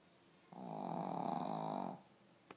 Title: Shihtzu snoring